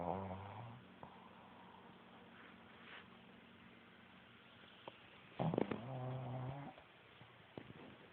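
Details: Shih Tzu dog snoring while asleep: two short, low, vibrating snorts separated by a quiet stretch of soft breathing.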